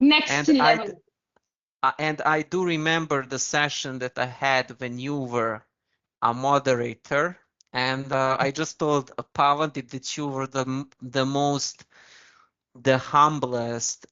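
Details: Stuttering (stammering) in an adult man who has used very slow speech to control it.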